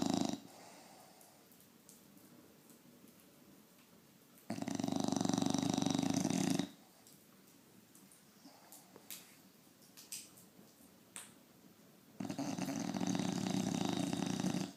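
Two long, loud, rough snores on breaths in, with quieter snuffling between; noisy dog snoring, about eight breaths a minute.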